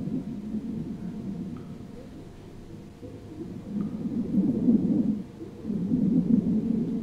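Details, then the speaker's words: Virtual reality simulated patient, stethoscope listening: airflow sounds described as some wind; normal breath sounds. "okay i hear some wind"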